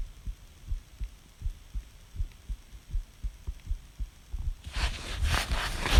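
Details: Woman, recorded by another person: soft low heartbeats about 80 a minute, rate speeding on inspiration and slowing with expiration; respiratory sinus arrhythmia. Rustling noise at end.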